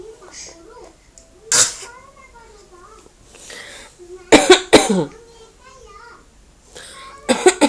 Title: 기침 따라하는